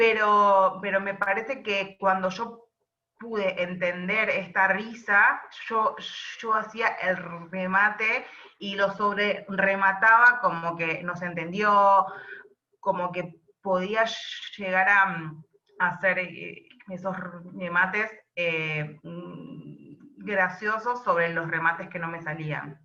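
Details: Adult woman who stutters, speaking Spanish; stuttering.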